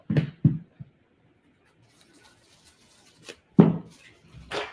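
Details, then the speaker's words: Adult who blames allergies sneezes while talking: a few sharp, forceful bursts of breath, then a louder burst a few seconds later, in a quiet room; an ordinary sneeze. "The sneeze. Oh, Lord. Okay. I'm sorry, y'all. My allergies trying to fight me today."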